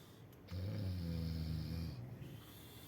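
One loud, low, rattling snore on an in-breath lasting about a second and a half, then quiet room noise.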